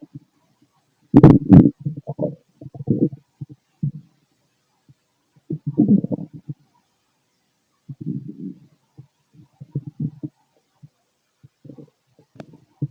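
Irregular gurgles and bubbling squelches in bursts with quiet gaps, typical of normal digestive bowel sounds.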